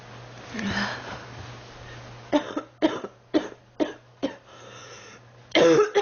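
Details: Girl sick for three weeks, feeling hot and unwell, coughing; about six short, harsh coughs in quick succession over a steady background hum.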